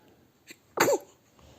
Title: Cute newborn baby sneezing first time